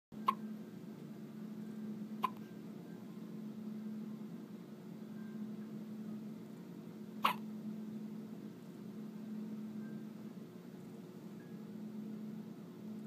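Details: Baby weighing 3 lb 12 oz with hiccups in a crib: three sharp, brief hiccups spaced a few seconds apart over a steady background hum.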